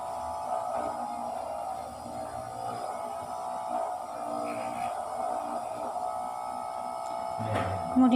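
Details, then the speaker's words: Handheld electric massage device used on a new patient with bronchiectasis, cough and fever, applied to improve blood flow: a steady electric buzzing hum running continuously, with faint room sounds. "kemudian di Dolphin menggunakan alat seperti ini untuk memperlancar aliran darah"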